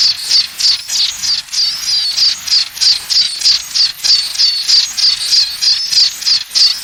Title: powerful tinnitus sound, real tinnitus sound, natural tinnitus sound feel heare